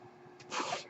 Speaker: hello everyone my name is that noise you're hearing is my ventilator